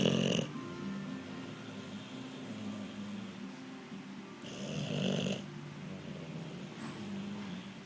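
Low rumbling snores from a sleeping dog, with music playing in the background; snoring.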